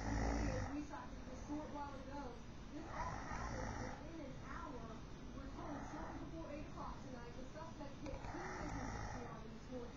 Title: Snoring girl